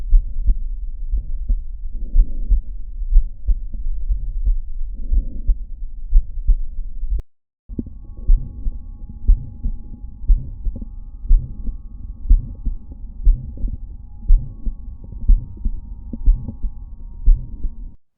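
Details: Heart murmur: steady heartbeats at about 60 a minute across two recordings, with a soft rushing sound between some beats.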